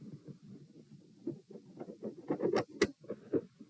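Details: Heart sounds recorded at position P: fast rate of 120 bpm with very quiet periods and extreme variation in S1 and S2 intensity; tachycardia with variable S1/S2 intensity.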